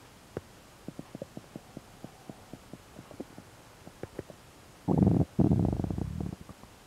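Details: Stomach sounds attributed to a stomach ulcer: rapid series of soft gurgling pops, then a loud prolonged rumbling gurgle; active bowel sounds (borborygmi).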